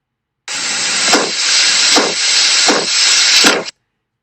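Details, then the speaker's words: Stethoscope over the renal artery during abdominal examination, as done in hypertensive patients: steady whooshing noise with rhythmic pulsed surges, about 78 a minute, a renal artery bruit. "Y por consiguiente, si nosotros pusiéramos el estetoscopio en la arteria renal, escucharíamos esto."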